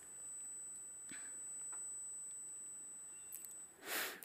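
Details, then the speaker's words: Simulated tinnitus: a steady, continuous high-pitched beep tone, with faint room noise and a brief burst at the end. "This is often a high-pitched beep tone, but it can also be a low-frequency hum, a buzzing, or a hissing sensation."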